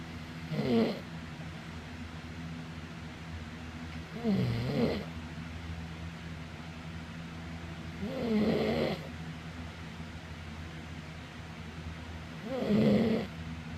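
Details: Four slow, rough snores about four seconds apart over a steady hum, at roughly 15 breaths a minute; snoring.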